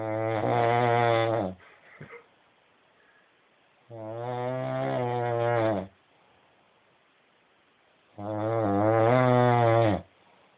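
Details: Snoring wife on wedding night: loud, long droning snores about every four seconds, roughly 14 breaths a minute, quiet exhalations between.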